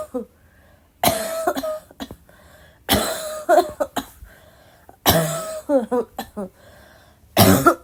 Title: uninterrupted coughing fit 2